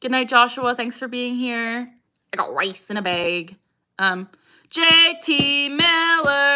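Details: Young woman with Tourette syndrome; vocal tics "I got rice in a bag" and "JT Miller", the latter an echolalic tic picked up from a hockey chant; vocal tics (Tourette syndrome).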